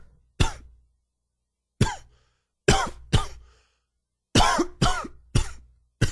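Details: Very dry, wheezy cough attributed to allergies; dry cough.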